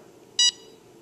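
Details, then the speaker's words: A single short, high electronic beep in a quiet room: CADD infusion pump confirming it is starting a child's TPN infusion via a Broviac line, indicator light showing the pump is on. "you can see that there is an air or light that beeps here on the left side that just tells us that the pump is on and that it is waiting for you to tell it what to do"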